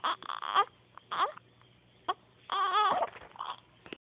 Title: baby scared of her hiccups